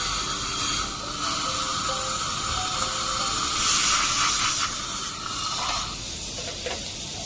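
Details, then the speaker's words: Dental air-water syringe washing and drying prepared central incisor abutments 11 and 21, with bleeding at the margin of 21, before intraoral scanning for zirconia crowns: steady hissing spray with background music. "because of bleeding on number 21 I couldn't get the margin properly so I do a wash and dry down"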